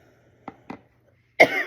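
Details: An adult still getting over a cold gives two small, quick coughs and then a louder, harsher cough burst in a quiet room.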